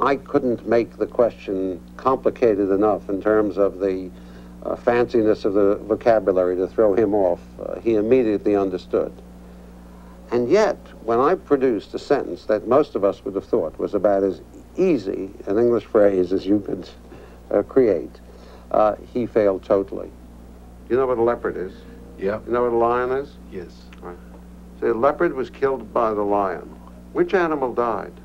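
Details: Adult male speaker; normal speech.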